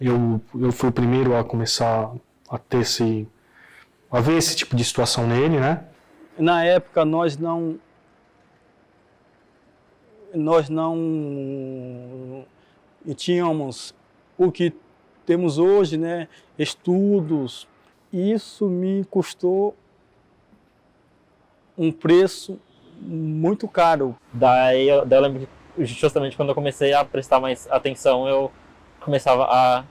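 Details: Adult man who stutters, Portuguese speech; stuttering.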